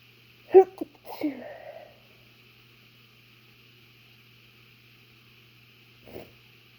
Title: A few chhinkni sneezes